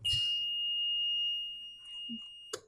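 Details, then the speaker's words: Everflo oxygen concentrator beeps constantly with no LED lights on, a steady high-pitched electronic alarm meaning the unit is switched on but not powered: oxygen concentrator power-failure alarm. "If the alarm is beeping constantly and none of your LED lights are on, like so,"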